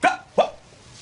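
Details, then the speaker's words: Vocal tic from a person with Tourette syndrome, speaking about a bad job interview where only the Tourette was seen. "all he could see when he looked at me was my Tourette that's all any of them see"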